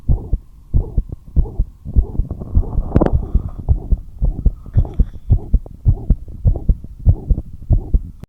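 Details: Heart murmur: fast heartbeat near 100 a minute with a rushing sound filling the gaps between beats; the heart rate rose despite the patient being kept at rest.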